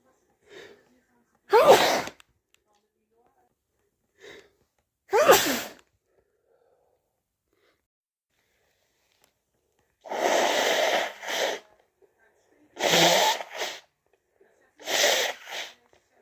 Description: wet powerful and muffled cold sneezes also shower sneezes and nose blows